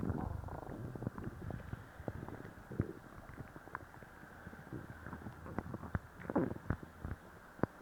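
Low irregular gurgling and rumbling with scattered sharp pops and squelches, consistent with active bowel sounds (borborygmi) after a laxative.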